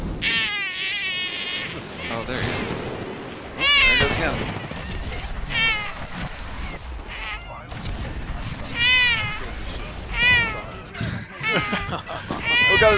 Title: Baby crying in a baby carrier on my chest